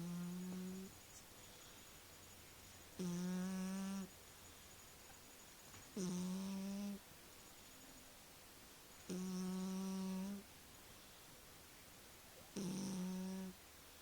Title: My cat snoring